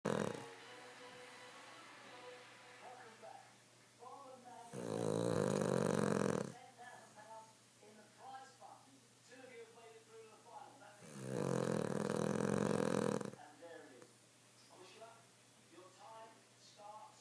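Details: Cavalier dog Milly snoring loudly while asleep: two long, loud rattling snores on the in-breath, with faint talk and music in the background; snoring.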